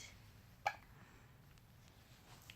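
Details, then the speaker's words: Three-week-old baby girl with frequent hiccups: a single soft, sharp hiccup in a quiet room. "I love you, baby girl. Your big hiccups."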